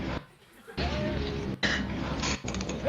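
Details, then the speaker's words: Sneeze in an audio recording used as a demonstration example for generative audio editing (removing or enhancing the sneeze). ">> There's a sneeze in this audio recording. We will remove the sneeze using Recompositron."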